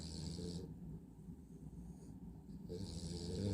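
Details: A pet sitting upright on command dozes off and snores: low, rough snoring noise on the breaths, with a quieter pause between them.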